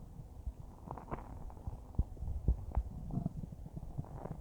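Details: Normal bowel sounds recorded about a minute after eating a huge bowl of spaghetti: soft low gurgles and small pops over a quiet hiss.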